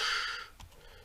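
A loud, harsh, hissing sound made by voice fades away, then another begins: an imitated loud aortic stenosis murmur with a high pressure gradient.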